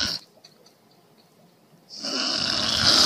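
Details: One loud, rough, hissing snore building after a quiet pause; snoring.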